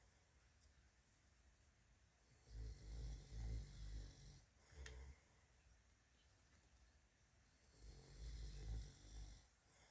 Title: Hamster is confused by snoring 😐